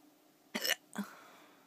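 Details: Person with hiccups that keep them from sleeping: two brief, abrupt throat sounds a moment apart, each a sudden catch of breath. Hiccups.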